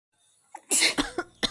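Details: Adult gives a short burst of about four loud, harsh coughs without covering the mouth, acted to demonstrate improper cough etiquette.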